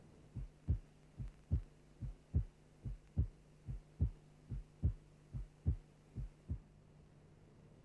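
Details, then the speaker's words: Simulated heartbeat at about 72 per minute, steady rhythm: longer, lower first sound and shorter, sharper second sound over a faint hum; normal first and second heart sounds, teaching example before second-sound splitting. "Having learned to identify the first and second H sounds we can now concentrate on understanding and recognizing splitting of the second sound"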